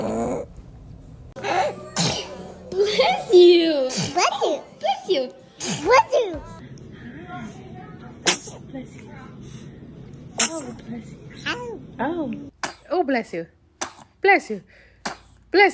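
A run of short, sharp baby sneezes, one after another, with an adult's voice in between. Repeated infant sneezing.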